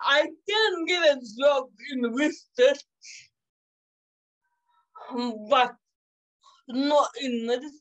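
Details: 27-year-old woman with cerebral palsy caused by severe neonatal jaundice, which she says makes her sometimes speak and move differently. Dysarthria (cerebral palsy)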